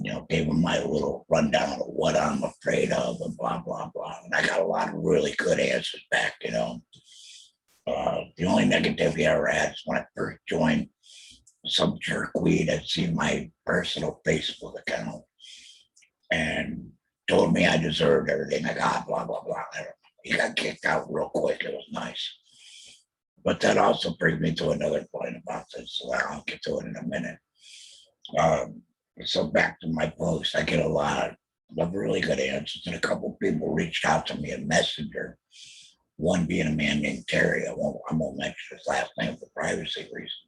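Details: Throat cancer diagnosed 2020, treated with total laryngectomy, chemotherapy and radiation; alaryngeal speech after total laryngectomy.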